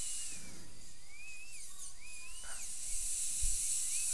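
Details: Steady high-pitched hiss and whine with gliding pitch changes as load varies, trimming the buccal margin of the temporary crown for an all-ceramic crown on a lower right second molar, tooth 31; dental high-speed handpiece.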